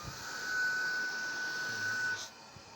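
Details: Mechanical ventilator operating: a steady mechanical hiss with a high, thin whine running about two seconds, then cutting off.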